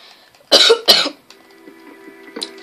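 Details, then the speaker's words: Two short, harsh coughs from an ill child, followed by faint background music. "all you can hear is me call cough cough cough like I said earlier on I'm Ill as"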